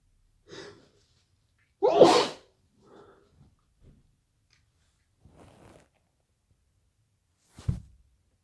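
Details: A soft breath, then one loud explosive sneeze, a few quiet breaths and a brief snort; morning sneezing from a cold just after waking.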